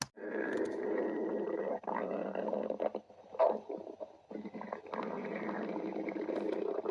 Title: stomach growling